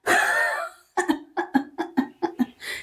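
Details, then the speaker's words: Physiotherapist demonstrates huff cough technique drawing the abdomen in: long forceful outbreath, then a rapid train of short voiced bursts on exhalation. "Ama bu öksürükte öh [kahkaha] öh şeklinde yani alt bölgeyi, karın içindeki alt bölgeyi şişirmeden kendimizi içeriye çekip öyle çıkartmak gerekiyor."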